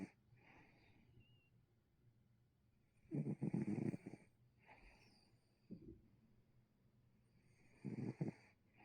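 Two long rattling snores about five seconds apart, with softer breathing between them, in a quiet room.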